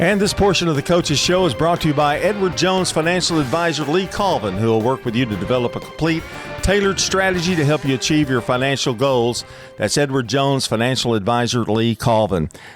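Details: Adult male radio announcer; normal voice.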